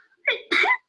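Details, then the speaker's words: A quick two-part burst, a short inhaled catch then a sharp higher-pitched expulsion, in a small quiet room: a small, light, 'mouse' sneeze. "Okay, so I love you guys get to hear my sneeze all the, like just a million times, it's great. Welcome to my little mouse sneeze."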